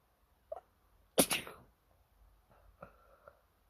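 Short intake, then one loud, explosive hissing sneeze followed by small voiced sounds in a quiet room; a single sneeze.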